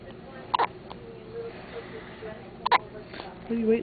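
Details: Newborn baby on his first evening of life, who also had hiccups in utero: two abrupt double-click hiccups about two seconds apart, with quiet talk in the background.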